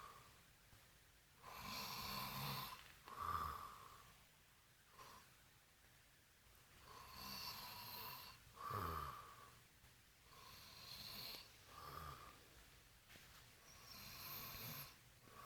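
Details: A drunk boyfriend snoring during sleep: loud, rough, raspy rattling snores about eleven times a minute while his fed-up girlfriend tries to quiet him.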